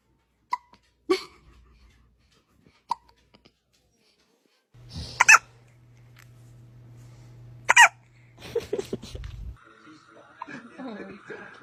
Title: Most adorable baby hiccups 😍 #stbentertainment #babies #baby #hiccups